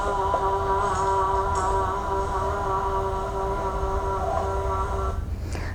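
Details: 69-year-old woman diagnosed with Parkinson's disease in 2012, before speech therapy, sustaining 'ah' at a comfortable pitch; mild hoarseness in Parkinson's disease (sustained vowel).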